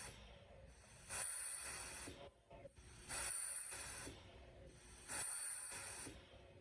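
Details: RespiraWorks ventilator rate test, 100% oxygen mode, compliance 20 mL/cmH2O, resistance 20 cmH2O/L/s, rate set stepping from 30 down to 20 breaths/min; regular hissing airflow bursts over machine noise; mechanical ventilator cycling.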